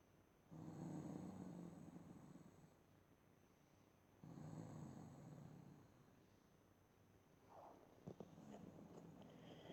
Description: Mum Snoring on the couch agian for two minutes. This time she sounds like a growling demon.